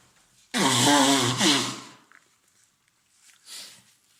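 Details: One loud two-part voiced sneeze then a softer sniff or breath, from an adult male with a common cold for three days, congested with runny nose and sore throat; sneeze.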